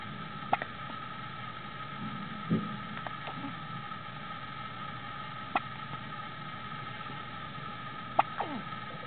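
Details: Hiccups in a newborn girl on her first day after birth (3555 g, 53 cm): quiet, brief sharp clicks about every three seconds over a steady background hum.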